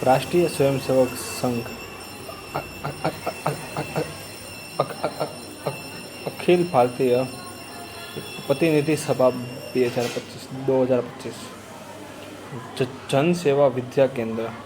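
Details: Man who stammers, early sample recorded at the start of 60 days of daily speech practice exercises, before his stammer lessened; vowel-initial words are hardest for him; face shook while speaking; stuttering.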